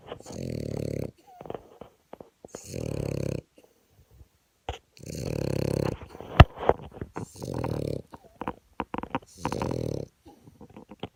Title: Snoring French bulldog